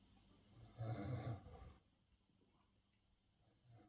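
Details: Miniature schnauzer dog snoring while asleep: one short, low, rattling snore, then quiet breathing.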